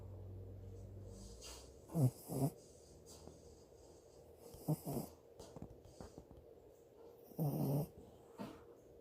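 Soft snorting snore bursts during sleep, several irregular noisy breaths over nine seconds, with a steady low hum in the background: puppy snoring.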